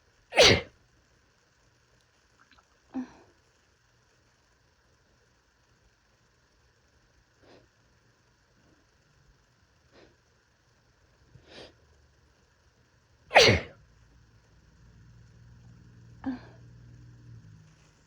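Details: Two loud explosive sneezes with several softer stifled sneezes between, faint engine hum near the end, from a person with a first cold of the year, with body aches, chills, fever and coughing.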